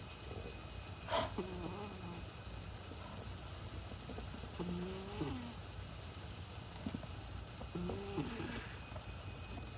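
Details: A cat napping in deep sleep, twitching during REM sleep, snores softly and faintly. Snoring.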